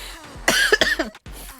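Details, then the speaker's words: Adult with a summer cold and persistent cough: two quick harsh coughs followed by a brief pause. "다른 건 다 괜찮은데 계속 기침이 나가지고 기침만 안나면 괜찮은데 계속 기침 아 기침이 계속 나서"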